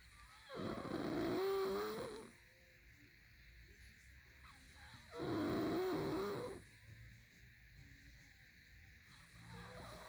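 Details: Heavy snoring: two loud drawn-out snores with rough fluttering tone on each in-breath, quiet out-breaths between, about 14 breaths a minute.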